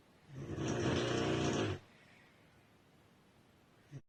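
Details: A girl asleep: one loud, rough, rattling breath lasting about a second and a half, then quiet room; a single snore.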